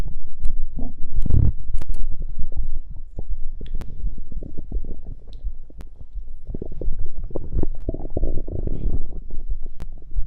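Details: Stomach growling after drinking cider (fizzy drink): low gurgling and rumbling with bubbly pops, coming and going irregularly; normal active bowel sounds.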